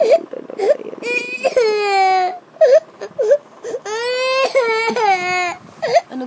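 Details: Infant crying in long wails broken by short whimpers, with an adult talking softly in Filipino between cries.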